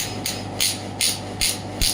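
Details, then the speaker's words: Regular sharp hissing impact pulses, about three a second, over steady low hum: a pneumatic radial shockwave therapy probe firing at maximum intensity against a hand during a demonstration. "I'm taking the flow on my hand. I'm getting the maximum intensity and I'm also getting shock on my hand."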